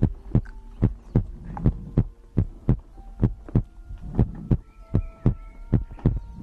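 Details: ASMR compilation of the creator's own heartbeat for sleep: loud, close low thumps in quick succession, heard as paired beats, over a soft background hum; heartbeat.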